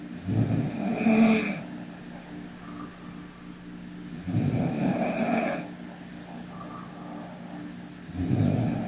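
Rough, low fluttering snores on each breath in, about 15 breaths a minute, with quiet pauses between; snoring during sleep.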